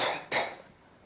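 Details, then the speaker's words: A single short voluntary cough after an out-breath by a male physiotherapy student, acted during a class demonstration of coughing and postural drainage techniques for removing chest secretions. "الثالثة يلا أيوة وانت بتطلع يعني after expiration تقوم اللي هي انت عامل coughing."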